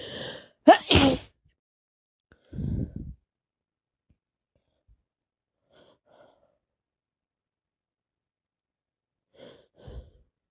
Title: Wet snotty cold sneezing